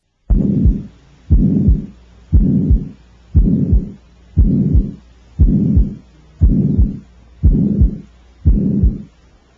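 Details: Patent ductus arteriosus, usually seen in premature infants: regular heartbeat near 59 per minute with a long, rumbling murmur filling much of each cycle.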